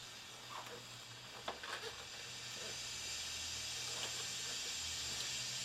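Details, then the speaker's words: Steady hiss of gas flowing through Infant Flow CPAP tubing on a baby mannequin, with faint clicks, during a set-up check with the nasal prongs blocked; flow about 8, giving a CPAP of 4; normal continuous flow. "okay now up here on the baby we want to check is there sufficient gas flow going through the the system but we're going to block off these Nars at the same time we're going to check our pressure reading on the Infant"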